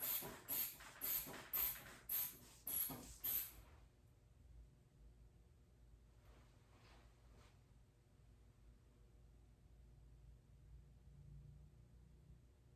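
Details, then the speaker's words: Student physical therapist manually inflates a blood pressure cuff on patient Corey, lying supine in acute care, with seven quick hand-bulb squeezes to about 160 (30 above ~130 obliteration), then slow deflation with faint valve clicks; orthostatic vitals, reading about 118/74. "All right, it was about 130, so I'm going to pump his cuff up to about 160. Go 30 above that."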